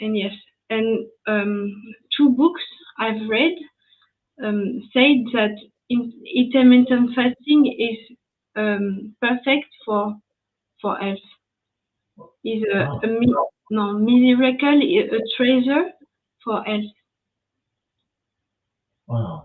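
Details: French woman, ischemic stroke at age 22 in July 2011, mute for 10 days, a year of rehabilitation, lasting language difficulty, speaking English; post-stroke aphasia.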